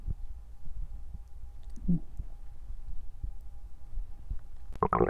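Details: Noisy stomach growling, recorded as digestion sounds rather than hunger sounds: low gurgling and rumbling from the abdomen with soft squelches, ending in a louder bubbling burst; normal bowel sounds.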